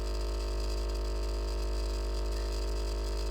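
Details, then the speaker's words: AchedAway percussion massage device at level 5, its top speed, about 3250 strokes per minute: steady, deep, rapid buzzing hum. "level 3 at 2400 before at 28 50 and level 5 at 3250"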